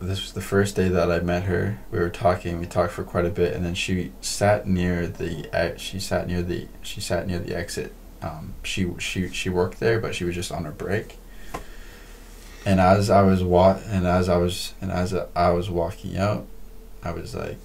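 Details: Adult man who stutters, a podcast host speaking English; stuttering.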